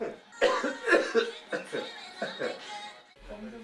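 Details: A person coughs in a lecture room with loud background music, during a demonstration of an AI camera that locates who coughed; cough.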